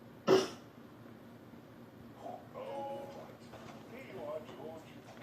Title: coughing